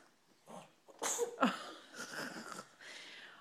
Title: Eat, sneeze, poop